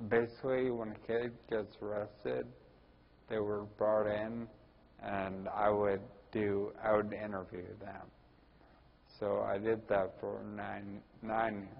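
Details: Ataxic dysarthria in a 41-year-old man with Friedreich's ataxia, which also causes balance problems and walking difficulty.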